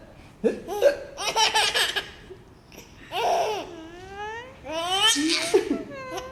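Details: Child laughing, broken by a few abrupt, sharp little gasping squeaks from hiccups.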